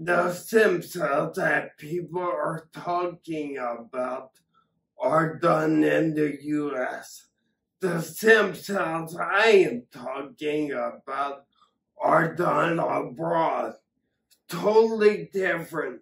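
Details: Acquired ataxia from several strokes that damaged the cerebellum, affecting coordination, balance and speech: ataxic dysarthria.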